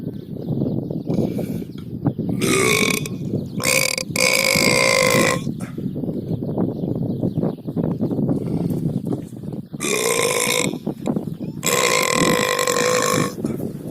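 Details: Cow burping: several loud, drawn-out, low tonal belches over steady barn background noise.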